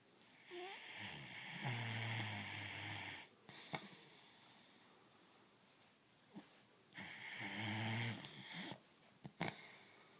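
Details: Dog snoring while asleep: two long, loud, rasping snores with a whistling edge on inspiration, each followed by soft snorts and lip smacks.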